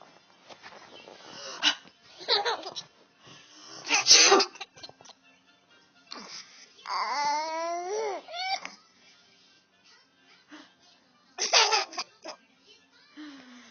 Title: Sneezing makes baby laugh